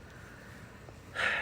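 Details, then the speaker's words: Dog snoring in the background while asleep: quiet room hum, then one brief, noisy snort-like breath. "oh god sorry if you can hear that snoring in the background that is my dog smush"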